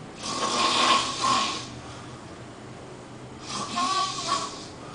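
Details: A friend crashed asleep on the couch, heard by everyone in the house: two airy, fluttering snores with a raspy whistle, separated by a quiet stretch; snoring.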